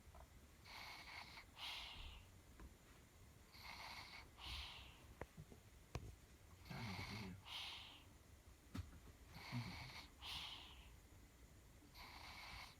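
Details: Baby sister sleeping, snoring for the first time: soft, regular snoring breaths, about 21 a minute, with a slightly snorting, rattling quality on some breaths.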